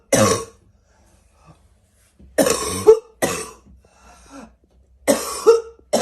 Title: Fall barking cough